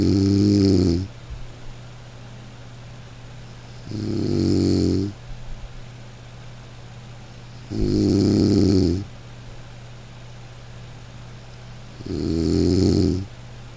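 Loud regular rattling snores on each breath in, about 15 a minute, over steady background hum.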